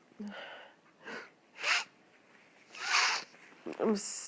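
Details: Nose blowing with a stuffy, sniffly congested nose: several forceful, noisy nasal blows with a wet, blocked quality as the nose is cleared.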